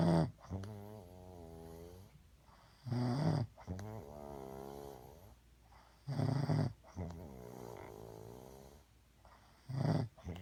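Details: Person snoring, said to sound like that pretty much all night.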